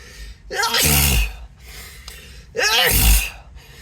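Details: Acted, announced sneezing fit; the speaker apologises, says the nose tickles and tingles and suspects an allergy: two loud voiced sneezes, each with a sharp in-breath before it, over background music.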